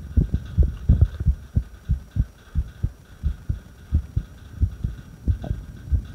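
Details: Irregular heartbeat recorded during a breath hold: heartbeat at about 88 a minute with uneven spacing between beats.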